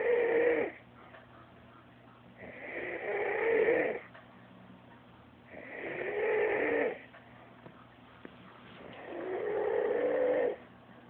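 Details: Loud, steady snores with each breath, about 19 a minute, separated by quiet exhalations, from a sleeping friend; ordinary snoring.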